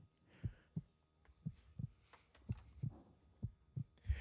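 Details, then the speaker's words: Fetal heartbeat heard through a stethoscope on the mother's abdomen: soft, muffled low thumps in pairs, about once a second. "this is the sound you hear when you put stethoscope up to that mother's stomach"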